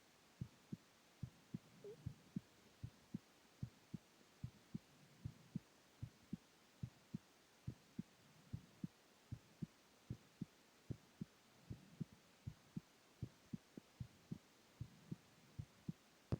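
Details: Male at rest lying down: steady lub-dub heartbeat at about 70 beats a minute, two clear sounds per beat, no added noises; normal heart sounds.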